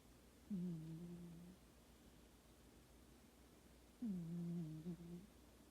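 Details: Two soft, humming snores from a sleeping cat, each about a second long, separated by quiet; ordinary harmless cat snoring.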